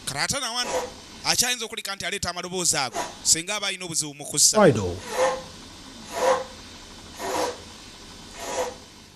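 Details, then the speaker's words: Child with breathing difficulty makes a wheezing noise when breathing out, presented as a serious sign of pneumonia needing urgent care at a health post; wheezing. "difficulties this sound which is called wheezing ponia still very serious problems or nearest health post at once"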